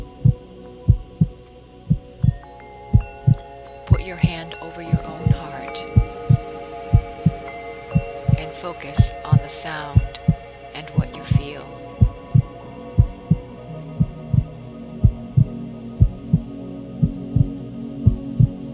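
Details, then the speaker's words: Blenheim Cavalier King Charles Spaniel, resting: steady low heartbeat thumps at about 100 beats a minute under soft chiming music. "now close your eyes and hear his heart beat [Music]"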